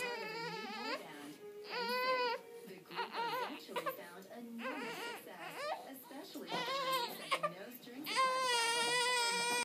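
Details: Infant during first tummy time: repeated fussy crying with whimpers between bursts, soft background music; infant cry.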